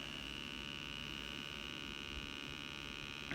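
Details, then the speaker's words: Steady high electric whine with a faint buzz from an above-knee amputee's prosthetic vacuum unit sucking air out of the carbon fiber socket to hold it on by vacuum suspension; prosthetic vacuum pump running. "gonna run as long as it's sucking air out of the socket which makes a complete vacuum and it is totally vacuum suspended on my limb and that's what physically holds it on"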